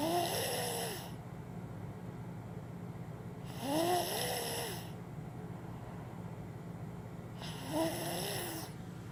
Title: Worlds loudest 2 year old snore! 😂😂😂😂